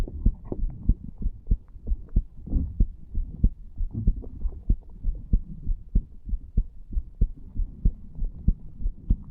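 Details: 34-year-old male lying on a bed, recorded over the tricuspid area after smoking nicotine from a cigar and "green stuff": steady, fairly strong, regular low thumping heartbeat at about 95 beats a minute, a mildly fast rate.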